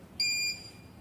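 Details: One loud, high electronic beep of about a third of a second as a syringe pump with a 50 ml syringe is switched on by a long press of the power button; normal start-up signal.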